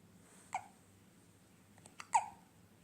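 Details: Baby: two short, sharp hiccups with faint breathing between them in a quiet room.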